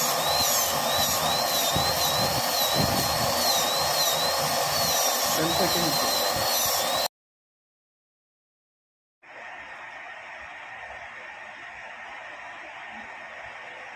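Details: High-pitched whining dental drill with a wavering tone over steady hiss, then a quieter steady hiss after a brief gap; dental handpiece during zirconia crown work.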